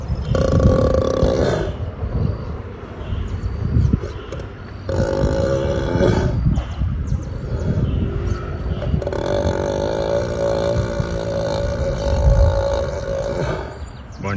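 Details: Sleeping ox gives loud, low, rumbling roar-like breaths in long rattling bursts with pauses, in heavy sleep: snoring.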